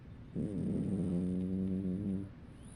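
A single drawn-out, low, steady-pitched buzzing breath lasting about two seconds, typical of a tonal snore, over faint room hiss.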